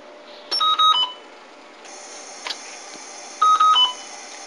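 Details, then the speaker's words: Drager Babylog 8000 plus neonatal ventilator, with circuit and baby patient simulator, powered on for a respiratory-care setup demonstration: quick series of electronic beeps at different pitches over a steady machine hum as the self-test starts. "to turn the ventilator on I need to reach my arm around the back of the ventilator and there's a push button the machine then goes into a self"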